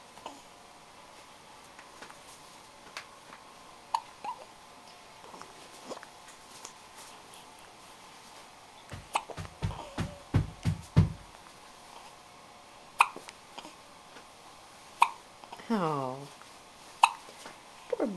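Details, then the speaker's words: Hiccups in a baby boy, with short, sharp clicks and gulps repeating irregularly, about 30 a minute, in a quiet room while an adult talks to him. "Somebody's got the hiccups. Now you're stuck. How are you going to get out?"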